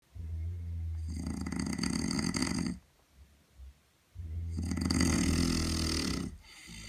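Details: Someone else snoring at night on the Camino: two long, loud, rattling snores on the in-breath with a quiet pause between them; heavy snoring.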